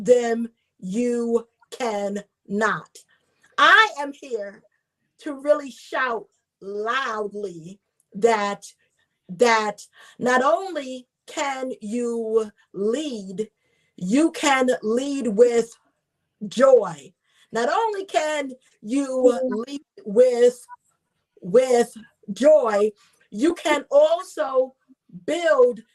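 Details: Adult woman, a self-identified stutterer who is also a traumatic brain injury survivor, with stuttering: she gets stuck on words and repeats words.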